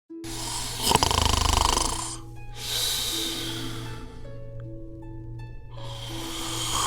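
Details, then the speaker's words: Loud, rattling snores come with each breath in, about two full snores and the start of a third, over soft background music; snoring presented as a possible sign of sleep apnea. "एक रात में आप सैकड़ों बार खर्राटे लेते हैं लेकिन कभी यह नहीं सोचते कि यह कितना खतरनाक है"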